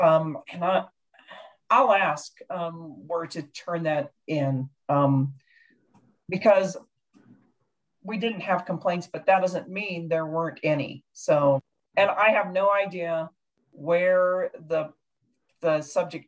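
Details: Adult speaker in a meeting; normal voice.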